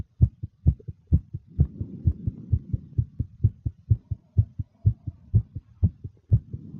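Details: Rapid, regular paired heart thumps at about 128 beats a minute with soft breathing underneath, from a nervous female: fast heartbeat (tachycardia).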